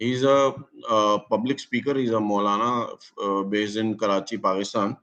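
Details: Adult male speaker; no voice disorder.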